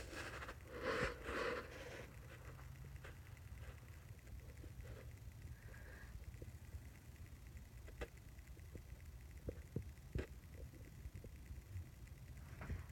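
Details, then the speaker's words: Stethoscope auscultation of the abdomen, listening in each quadrant: irregular soft gurgles and clicks, described as a gurgling noise and a normal finding; normal bowel sounds. "for abortionists in the abdomen quad quadrants and this is like a gurgling noise and this is a normal finding"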